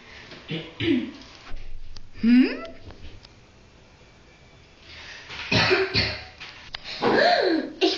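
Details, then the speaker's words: Adult gives several short, throaty acted coughs and throat-clearing sounds in a small room, in a cough-drop advertisement. "ein hüsteln war das etwa ein Husten oder ein kratz im Hals oder irgendetwas wovon man husten muss"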